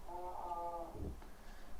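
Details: Male client's prolonged sustained 'ah' vowel containing a voice break in the middle, possibly typical of his productions; voice break in sustained vowel.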